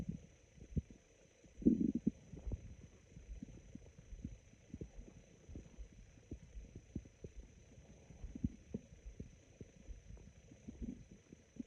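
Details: Very sparse, raspy stomach growls: quiet scattered gurgles and one brief louder rumble over a faint steady hum; ordinary bowel sounds.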